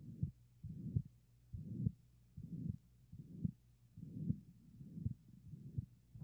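Regular heartbeat, about 75 a minute, with a harsh whooshing murmur filling each systole, typical of a ventricular septal defect.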